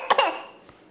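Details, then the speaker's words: Child's deliberate fake cough in play during a meal: two quick cough bursts, adult jokingly asks if it is bronchitis; harmless pretend cough. "Uh-oh, your sickness is back. Uh-oh. Oh no. Sounds like a treacherous cough. That sounds horrible. Oh. Is that bronchitis?"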